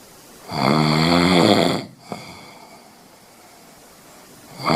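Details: Person snoring in bed: one long, loud, rumbling, buzzy snore on a breath, then quiet exhalation and the start of the next snore.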